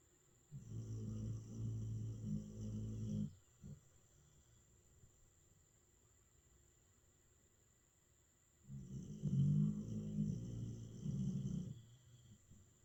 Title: The great Stella getting her snore on. #doggielife #comedyshorts #comedy #dog #snoringdog #snoring